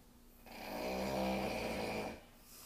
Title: The snoring roommate part two